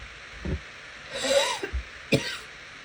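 A few short coughs and throat-clearing sounds over steady background noise; repeated coughing.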